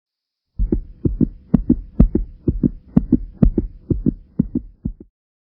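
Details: Regular paired lub-dub heart sounds at a brisk rate of about 125 per minute, a normal S1 and S2, played in a teaching demonstration of cardiac auscultation.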